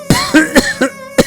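Five short acted cough bursts from an adult woman, with faint background music.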